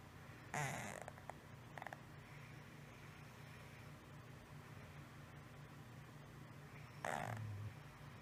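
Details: 6-year-old female cat with snoring-like breathing for 1 month, mostly at rest or asleep, at the top of inhalation, from the throat area, often mouth breathing, no improvement after 3 weeks of antibiotics; steady low rumble with harsh snorts: stertor.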